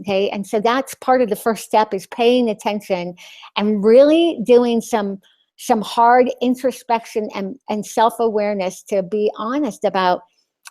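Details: Adult woman with a lisp after glossectomy (loss of her tongue); she says the lisp is very obvious to herself and others.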